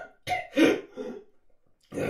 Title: Dry cough sound effect | Male dry cough